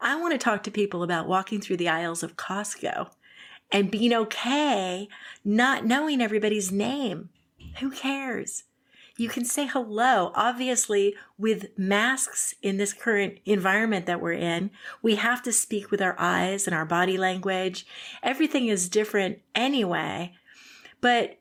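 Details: Adult woman; fluent speech.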